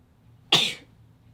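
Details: A single sudden, sharp, hissing burst fading quickly, fitting a small animal's sneeze.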